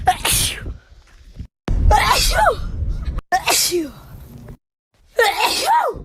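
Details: Wet sneeze compilation: four loud, explosive wet sneezes spliced together with abrupt cuts between them; ordinary sneezing.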